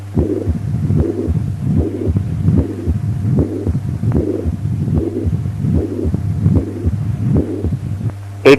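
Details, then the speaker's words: Atrial septal defect heard at the pulmonary area: regular heartbeat near 75 a minute with a harsh ejection systolic murmur and wide, fixed splitting of S2. "septal defect in the pulmonary area, a harsh ejection systolic murmur with wide fixed splitting of S2."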